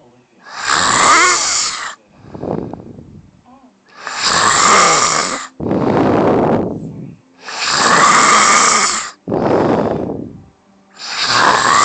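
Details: Wife snoring heavily: loud, harsh snores on each breath in, with rushing breaths out between them, about 17 breaths a minute.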